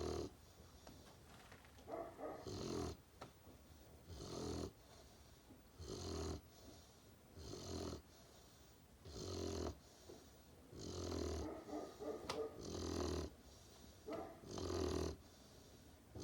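A sleeping puppy gives low, fluttering snores with each breath, about 33 a minute, rising and falling regularly. Ordinary snoring.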